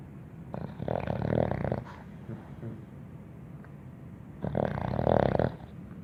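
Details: Dog snoring: two long rattling snores about four seconds apart, with quiet breathing between.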